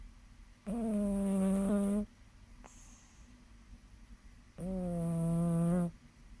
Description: my sweet 6 pound, 7 month old snoring kitten